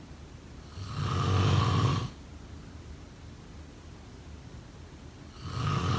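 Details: Sleep snoring: two deep, rumbling snores about four seconds apart with quiet breathing between, roughly 12 breaths a minute; ordinary snoring.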